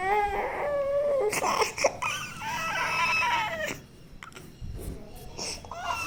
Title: little child has a cough and cold #ill #cough #cold #crying #cry #dailyvlog #dailyshorts 25-05-25